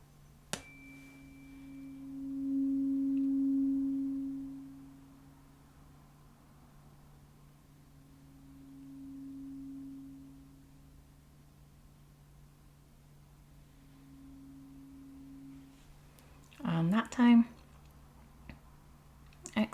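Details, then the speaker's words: Role-play hearing test on an adult with weeks of hearing loss, right worse than left, eyes closed: a tuning fork hums three times, fading in and out as it moves nearer and farther from the ear. "so you can hear when it was really close really far away okay i'm just going to try a different one so keep your eyes closed for me okay"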